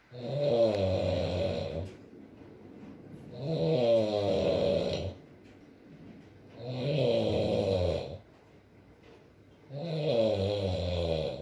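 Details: Four regular, loud, fluttering snores about every three seconds with quiet breathing between, from a sleeping man, light rain in background; ordinary snoring during sleep.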